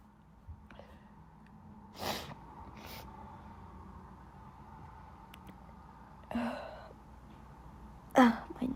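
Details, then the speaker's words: Allergic sneezing, not sick, with an itchy nose, sneezing all day at school: a few sharp sneeze bursts with sniffs and breaths between them in a quiet room. "I sneezed all day at school today. I'm not sick. Just allergies again."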